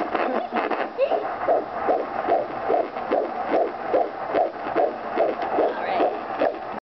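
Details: Fetal heartbeat at almost 5 months of pregnancy: fast, regular whooshing pulses at about 146 a minute, in the normal range.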